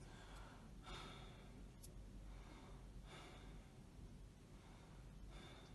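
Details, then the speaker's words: Three deep mouth breaths during a simulated respiratory examination demonstration, examiner's thumbs on the chest checking chest expansion and symmetry; soft rushing breaths about two seconds apart, expansion about 5 cm, judged normal. "by doing this I'm checking for the tips and symmetry of your breathing which is normal"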